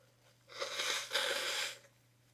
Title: Trying not to sneeze